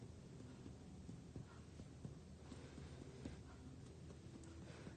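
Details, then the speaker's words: Finger percussion of the chest during a cardiac exam: soft, flat, short muffled thuds over low room hum; a dull note marking the left heart border at the left midclavicular line. "capek ada satu bunyi redup seperti ini pasti mengatakan bahwa batasan kirinya di Mitra vikroland sinistra"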